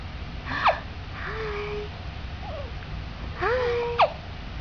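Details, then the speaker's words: Baby girl with hiccups: two sharp, brief catches about three seconds apart with soft infant vocal sounds between; hiccups. "Do you have the hiccups? You have hiccups going on?"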